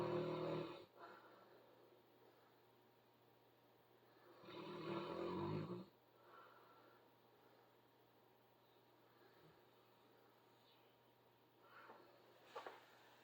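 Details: Sleeper snoring in a quiet room: two loud, rattling snores about four seconds apart, then quieter breathing with a faint snort.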